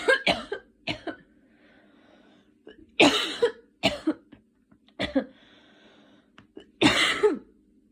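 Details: Cough with a cold in a sick person who recently had fever, dizziness and night sweats and uses an inhaler: several bouts of two or three short, harsh coughs, with quiet breaths between.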